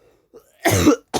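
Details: A person who says they cough a lot, recorded while making an ASMR reaction video: one short, forceful cough with a throaty rasp, followed by the start of another.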